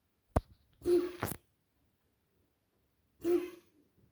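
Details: A dog coughing, recorded at 00:20 at night: a sharp snap, then two harsh hacking bursts and another after a pause.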